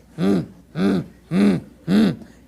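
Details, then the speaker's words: Vocal imitation of an aortic stenosis murmur in a CCRN lecture: four very harsh voiced bursts with no separate lub-dub, described as pansystolic, lasting throughout systole and radiating widely. "what you're gonna be hearing is a very harsh noise very harsh horribly harsh mmm and radiates all over the place"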